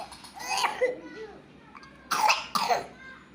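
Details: 3-year-old boy with a cough, learning to read: brief vocal sounds, then two short, sharp coughs.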